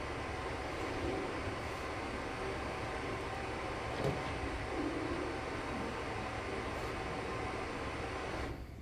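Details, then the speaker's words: Amplified ear-canal recording without spontaneous otoacoustic emissions: steady hiss with no pure tones, and a few faint soft bumps from breathing or jaw movement. "First, we'll hear the ear that has no spontaneous otoacoustic emissions."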